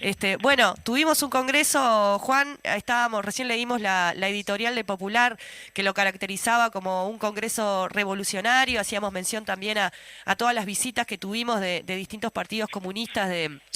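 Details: Adult speaker on radio; normal voice.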